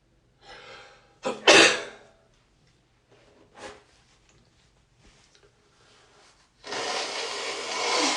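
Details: Real sneeze and first nose blow of the day: sharp indrawn breath, one loud sneeze with softer aftersound, then long honking nose blow with little mucus; sneeze.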